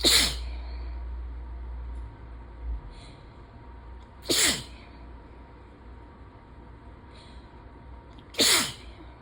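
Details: Sneezing fit during ragweed season, nose suddenly very sensitive after itching and teasing: three sharp sneezes about four seconds apart over steady rain noise; allergic rhinitis.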